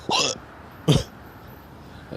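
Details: Two abrupt, brief voiced gulping sounds about 0.8 seconds apart, each a sharp catch in the throat, from a person in West Philadelphia: hiccups.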